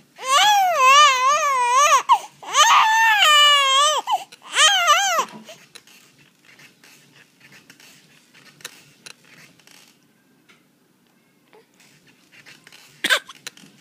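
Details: Infant crying: three loud, wavering bursts of crying over about five seconds, then a quiet room with a brief sharp noise near the end.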